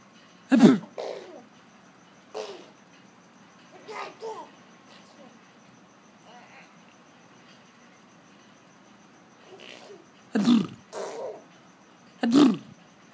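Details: A young child pretend-sneezing: several short, sharp bursts with brief pauses in a quiet room, imitating sneezes.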